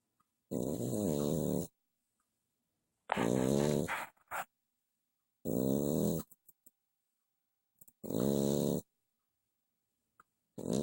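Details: A dog snoring in its sleep, with four loud, rumbling snores about 2.5 seconds apart, roughly 24 breaths a minute, and quiet pauses between them.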